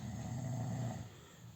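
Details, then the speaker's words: Man from Bhutan snoring while sleeping: a single low, rumbling snore lasting about a second, fading at the end. "See? The sweet sound of an snoring."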